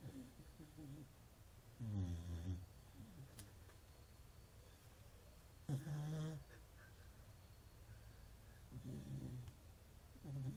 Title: Dog snoring